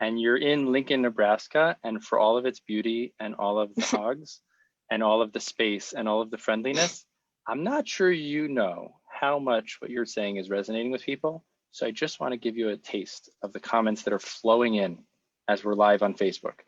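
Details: Adult male speaker; Normal fluent speech.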